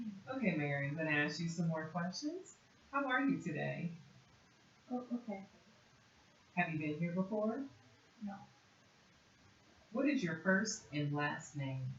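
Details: Adult woman speaking; normal speech.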